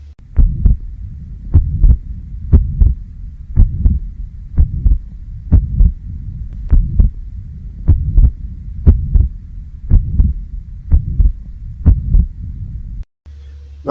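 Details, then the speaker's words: Tricuspid regurgitation murmur at about 60 beats a minute: a high-pitched holosystolic murmur, best heard at the lower left sternal border, radiating to the right lower sternal border and louder with inspiration (Carvallo sign). "it is best heard at the left the lower sternal border and radiates to the right lower sternal border the intensity significantly increases with inspiration helping to distinguish it from the mitral regurgitation"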